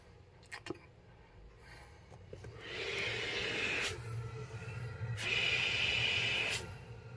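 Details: CPAP sleep machine powered from a portable power bank's AC outlet during a test: quiet room, then two long soft airflow hisses as it blows air after being switched on.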